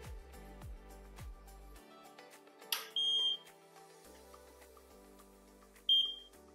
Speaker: As you can hear, a beeping alarm has been activated to signify that no power is being supplied to the oxygen concentrator.